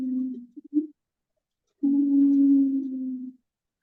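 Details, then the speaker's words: Wheezing: sustained, musical whistling tones with breath, from airway obstruction in the bronchi; lung-disease teaching example. "So this is the sound, wheezing sound. Okay, I will also send the audio. Okay, you can listen many times to remember that sound."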